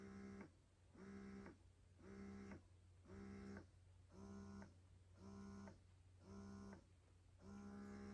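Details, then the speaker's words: Fast, regular buzzing motor pulses, about one a second over steady hum: electric breast pump running in massage mode; breast pump running. "the other thing i wanted to tell you guys is the sound so i actually thought this one wasn't very loud but this one is a lot quieter"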